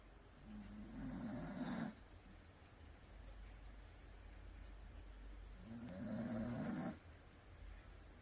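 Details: Welsh Corgi snoring while asleep after a bath: two low, fluttering snores about five seconds apart over a steady background hum; snoring.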